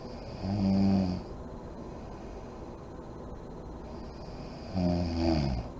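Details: Sleeping mother in deep REM sleep, lights on: two low, buzzing snores about four seconds apart, with quiet room hiss between.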